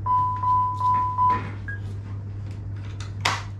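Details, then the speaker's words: Four steady electronic beeps, then clicks and a brief hiss as a LUCAS 3 mechanical chest compression device is powered on in anticipation, before attaching to the backboard; training-room demonstration, no real patient. "so the backboard goes underneath the patient and sits on their back just here this bit of kick then goes on the top so you turn it on in anticipation"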